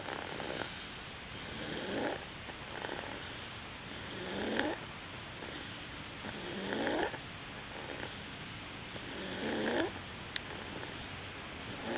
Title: Snoring